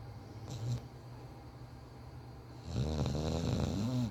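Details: Low rumbling snoring from a sleeping bulldog puppy, quiet at first then louder, with some small squeaky noises; ordinary snoring.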